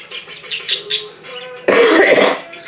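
A few short coughs followed by a harsh throat clearing, with budgies chirping in the background; an ordinary cough and throat clear.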